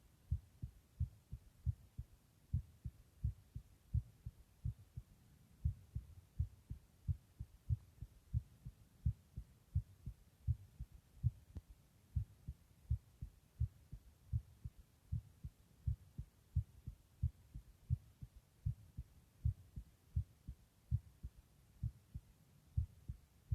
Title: Just my heartbeat sound (listen with headphones)